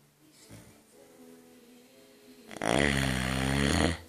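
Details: Snoring: a quiet, low, tonal rumble gives way to a loud, harsh, vibrating snore lasting about a second and a half.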